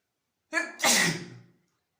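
One sneeze: a short sharp intake of breath, then a loud hissing burst that fades within about a second.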